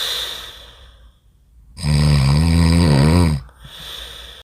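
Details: Extremely loud, long, rumbling snore on an in-breath during deep sleep, with quieter breathing before and after; loud snoring.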